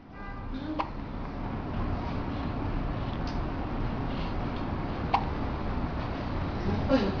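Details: 6-week-old infant: three brief, sharp hiccups at irregular intervals over steady room noise; hiccups.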